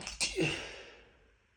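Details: A single sharp, hissing sneeze with a quick intake before it, fading afterward; sneezing attributed to dust.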